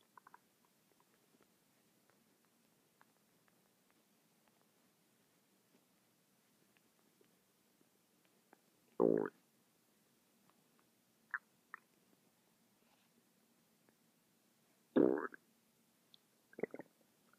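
Quiet room with a few short gurgling bursts and small squelches from the belly: ordinary stomach rumbling.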